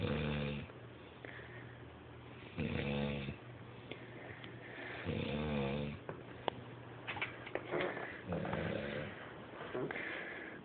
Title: Loud snoring funny